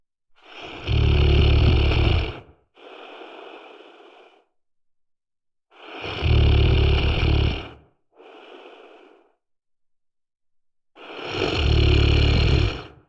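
Loud, deep rattling snores on each in-breath with softer airy out-breaths, roughly 12 breaths a minute; typical snoring.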